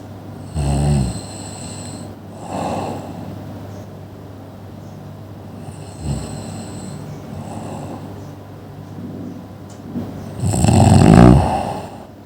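Repeated low, rattling snores of uneven loudness, with softer breaths between them and a loud one near the end.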